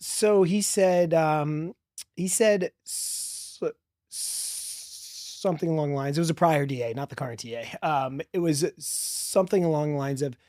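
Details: Stuttering in a 40-year-old man, real, who has stuttered since childhood and describes a strong stutter with blocks; spontaneous podcast interview speech.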